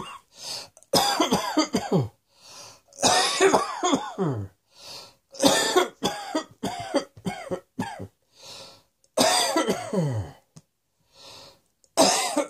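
Repeated harsh coughing fits with throat clearing and brief breaths between bursts; a persistent cough.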